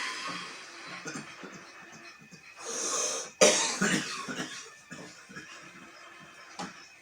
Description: 48 years old man coughing in the morning from smoke #cough #coughing #smoke #smokercough